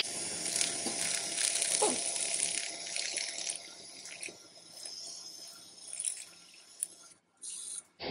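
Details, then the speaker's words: High-pitched rasping, grinding noise with rattling and brief pauses: sequential reaming of the femoral canal up to a 14 mm reamer during osseointegration into a very short residual femur after traumatic above-knee amputation; no chatter felt yet. "Sequential reaming continues until we reach the desired diameter. I still don't feel any chatter in the middle of the canal, which means that there is a fair bit of reaming to go."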